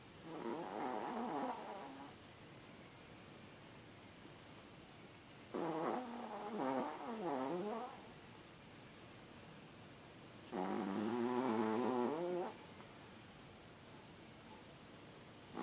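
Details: Sleeping chihuahua snoring: three slow, rough, wavering, squeaky nasal breath noises about twelve seconds apart.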